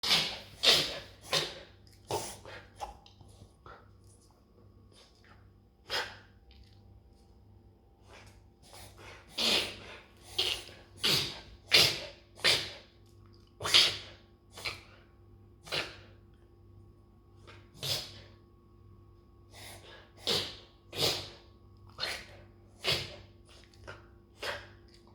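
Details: Reverse sneezing in an Australian Shepherd dog, which owners say happens most in spring allergy season: rapid, repeated snorting inhalations in bursts, not apparently distressing to the dog.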